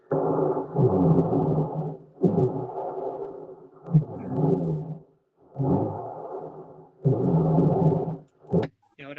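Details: Recorded lung sound played for an exam listening quiz: low, coarse snoring rattles repeating with each breath, building from soft to louder; rhonchi.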